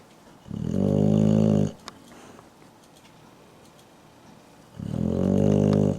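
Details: Loud, deep, vibrating snores on the in-breath, about 14 a minute, with quiet stretches between; a dog snoring.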